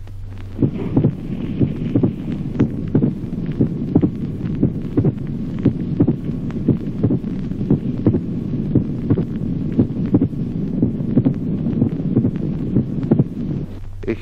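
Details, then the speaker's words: Teaching recording of a pericardial knock: a regular heartbeat at about 58 a minute, with each second heart sound immediately followed by an extra crisp sound. "chasquido pericárdico al segundo ruido sigue de inmediato un ruido adicional de sonido"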